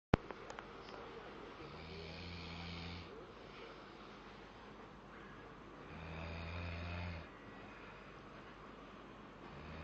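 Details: Sleeping baby snoring: two loud, low, rattling snores on breathing in, separated by quiet breathing.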